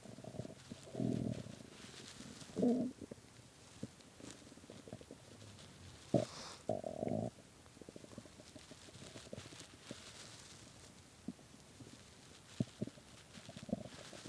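Low gurgling growls and bubbling bursts from the belly with quiet gaps; stomach growling from hunger, a normal gut sound.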